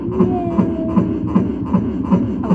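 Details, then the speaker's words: Fetal heartbeat on ultrasound of a male fetus: rapid, regular whooshing pulses at about 158 beats per minute. "You can hear the little baby's heartbeat. It's so precious."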